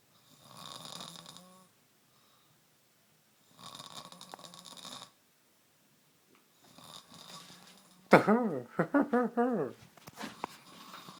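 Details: Snoring while asleep on a couch on a Saturday morning: slow, rasping snores on three breaths separated by quiet pauses, followed by louder snorts.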